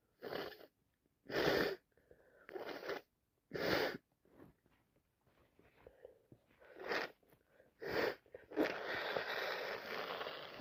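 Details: Adult with a bad head cold: four loud, explosive, wet sneezes in a row, then quieter sniffing and a long nose blow; repeated sneezing.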